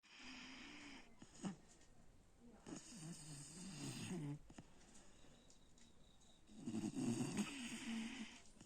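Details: Fluttering, rattling breaths in two main bursts, with softer breathing in between: snoring.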